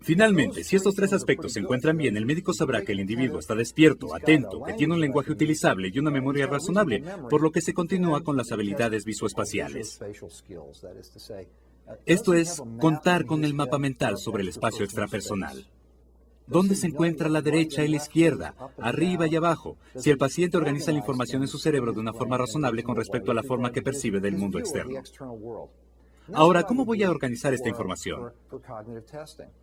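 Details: Adult speaker, narrating in Spanish; normal speech.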